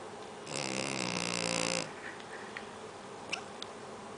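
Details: Snoring: a single rattling, buzzing snore over about a second and a half, followed by quiet breathing and small clicks.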